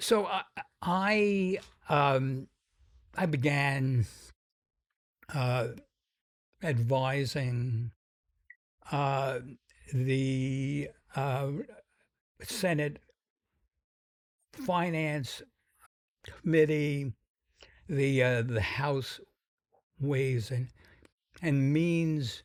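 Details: Adult man with a sometimes noticeable stuttering that varies in severity; described by the host as a pretty strong stutter; stuttering.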